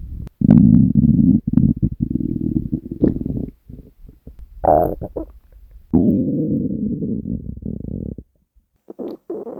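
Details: Hunger stomach growling from a person's abdomen: long, low gurgling growls and rumbles with bubbly breaks; normal borborygmi.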